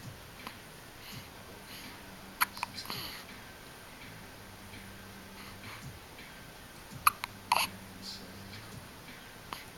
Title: Waking up with hiccups